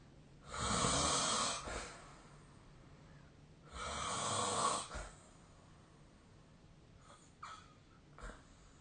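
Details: Snoring during sleep, captured with the SnoreLab app: two loud, harsh snoring breaths with quiet gaps and faint snorts between, in an irregular rhythm.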